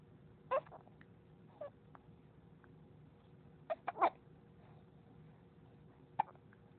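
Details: Hiccups in a 3–4-month-old baby girl: soft, sharp little hiccup sounds a few seconds apart over quiet room noise.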